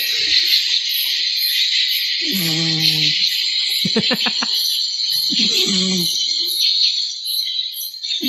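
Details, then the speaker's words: A sleeping pet (she) recorded on a phone and replayed through its speaker: three brief, low, rough, buzzing snores, one fluttering, under steady hiss and chirping. "That's That's George snoring."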